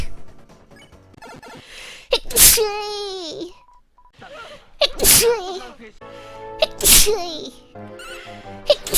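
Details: Three sharp explosive sneezes with voiced tails from a streamer during a live stream, over background music; sneezing.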